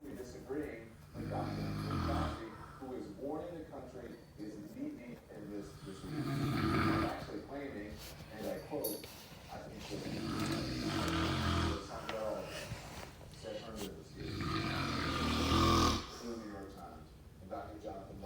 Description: It’s hard to sleep with the snoring!!!